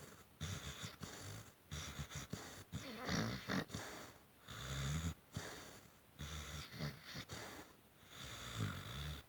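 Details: Pitbull sleeping with her tongue out, making unusual snoring sounds, stranger than her usual snoring.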